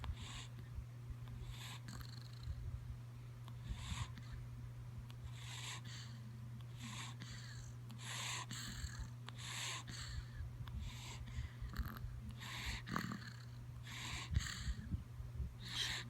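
Soft, rhythmic snuffling breaths with a faint purring rumble, repeating throughout, over a steady background hum. Snoring or snorting in sleep.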